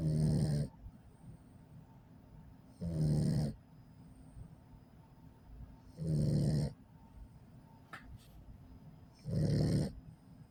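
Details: 8-week-old Pit Bull puppy sleeping after a 2-mile walk: loud, low rattling snores with each breath, about 19 a minute; ordinary snoring.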